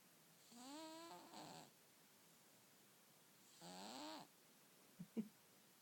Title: Cat Snore Symphony